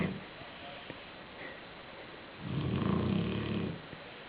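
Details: Sleeping black shar-pei dog lying on a pillow, snoring: a single low, rattling snore lasting about a second, with a faint sniff beforehand.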